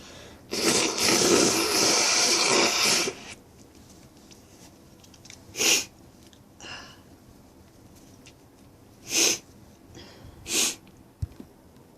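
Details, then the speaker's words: A long noisy burst, then three sharp sneezes with short breathy build-ups between them in a quiet room. This is a run of repeated build-up sneezes on a sneezy day. "Oh. Sneezy today. Ew. Oh, bless me."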